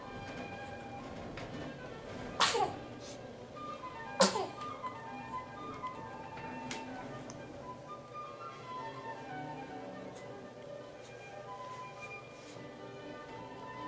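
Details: A baby, awake and alert on a Boppy pillow during the day: two quick, sharp sneezes over steady background music; sneezing.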